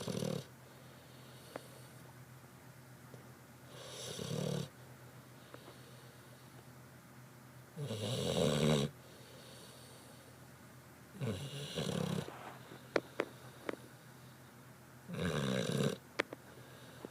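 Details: Loud, rattling snores repeating roughly every three to four seconds in a quiet room, with faint clicks between; snoring.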